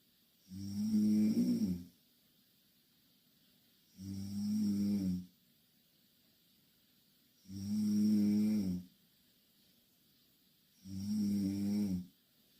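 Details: Two Korean girls sleeping in the same bed; loud, rough, rumbling snores with each breath in, about 18 a minute, with quiet pauses between; regular heavy snoring during sleep.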